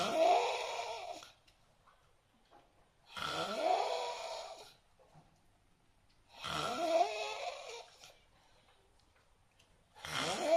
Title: Suara ngorok teraneh di dunia